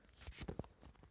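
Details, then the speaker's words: A single sneeze during a gaming stream: a brief, muffled sneeze with a sharp breathy burst, then a short voiced puff, with faint room noise. "Guys, I'm gonna sneeze."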